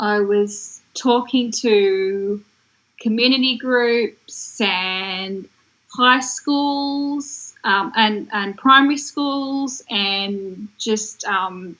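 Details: Woman who developed aphasia after a stroke in 2016 at age 33, in long-term recovery; aphasia (post-stroke).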